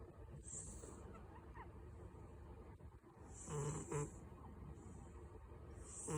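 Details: Soft, low rumbling breaths with a couple of louder snore-like bursts over steady room noise; a cat snoring.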